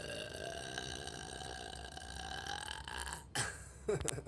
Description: Up late burping